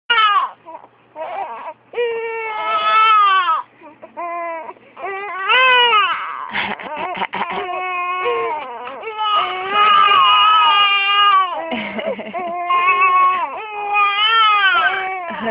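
A baby cries in repeated, strong, rising and falling wails with brief catches of breath between them; an ordinary infant cry.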